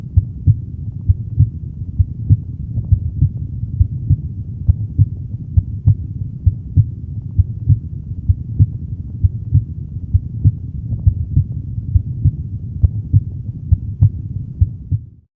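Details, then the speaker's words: Normal heart sounds of a healthy person at the aortic area, second right intercostal space beside the sternum: steady lub-dub at about 67 beats per minute, with the second sound louder over the semilunar valve areas. "При вислуховуванні проекції півмісяцевих клапанів другий тон виявляється голоснішим за перший."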